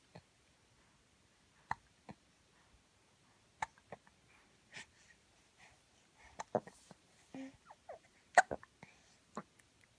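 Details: Baby with hiccups: short, sharp infant hiccup clicks at irregular intervals, with soft adult murmuring in a quiet room.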